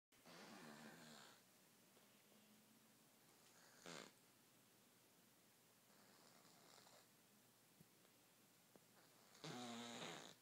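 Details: Cat with no ears snoring in a quiet room: raspy, buzzing breaths at the start and end, separated by long quiet pauses, with a brief snort midway.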